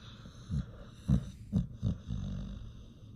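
Four short, low snorting breath sounds from a sleeping dog over about three seconds; ordinary snoring.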